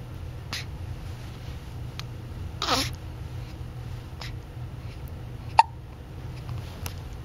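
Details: Infant about 2–3 weeks old, described as getting hiccups often: brief, sharp little gulping sounds recur about every one to two seconds over a quiet room hum; infant hiccups.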